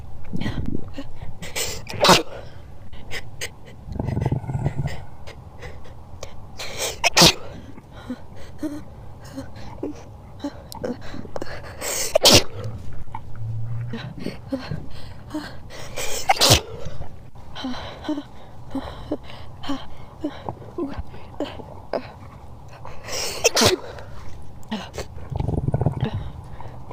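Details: Twelve adult sneezes, each preceded by a short gasping build-up, sped up, with stomach growling added as a sound effect.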